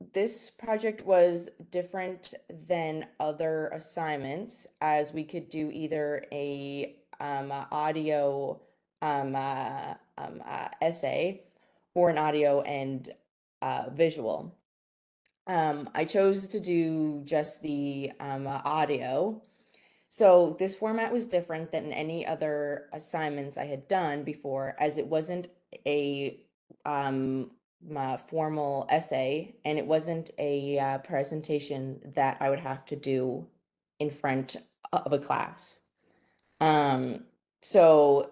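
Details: Stuttering in a female fourth-year university linguistics student who has stuttered since grade three.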